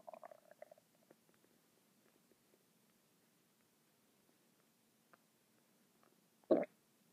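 Soft gurgles and squeaks, then a short louder growl near the end; stomach rumbling from gas and fluid moving through the gut.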